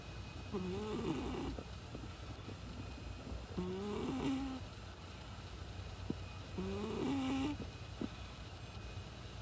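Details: Cat napping in REM sleep, twitching: quiet, squeaky whistling snores on each breath, about three in nine seconds, over steady room hum.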